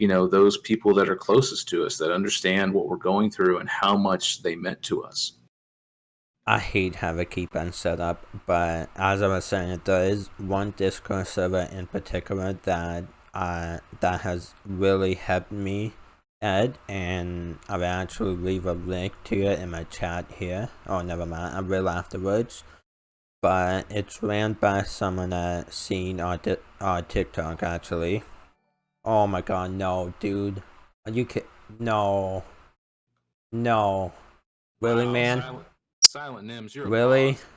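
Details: Male with a self-described uncontrollable speech impediment, improved after about 10 years of speech therapy; formerly used an iPad talking device, not used for almost three years; finding: speech impediment.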